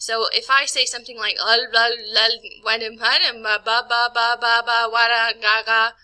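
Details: Adult woman imitating aphasic speech; Fluent aphasia jargon (imitated).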